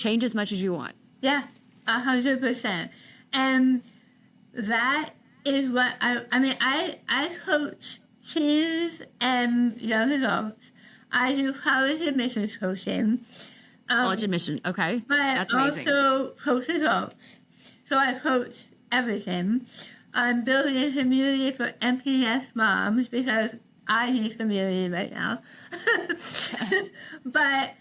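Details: Adult woman after stage 4 tongue cancer: over half of tongue removed and reconstructed with forearm graft, neck dissection, six weeks of radiation and chemotherapy; some people cannot understand her; articulation disorder after partial glossectomy.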